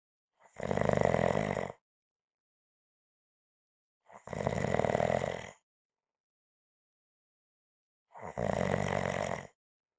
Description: This is a 5 minute clip of snoring.